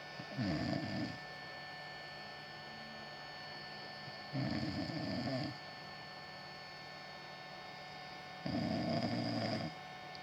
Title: Shut up snoring